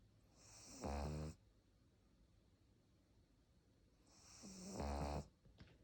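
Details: Pug snoring: two loud, low, rattling snores a few seconds apart with quiet breathing between; snoring in a sleeping dog.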